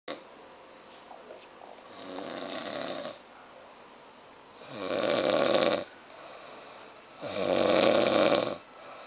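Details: Loud, harsh rattling snores on each in-breath, about three in nine seconds, with quieter out-breaths between; a man snoring.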